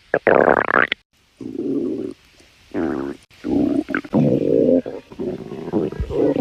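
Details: Stomach growling (borborygmi): loud, low gurgling rumbles in several bursts with short pauses.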